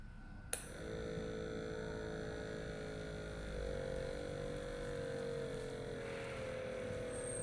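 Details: Automatic blood pressure monitor inflating, cuff kept at heart level with patient silent and relaxed: click then steady motor whine; reading 126/76 mmHg, pulse 72.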